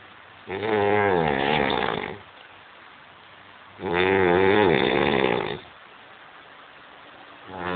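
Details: Man snoring while drunk: loud, rattling snores on each breath in, about two seconds long with quiet pauses between, slow sleep rhythm.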